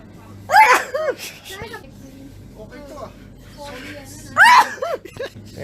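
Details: Person sneezing: two sharp, explosive sneezes, each with a quick intake of breath, against quiet room noise.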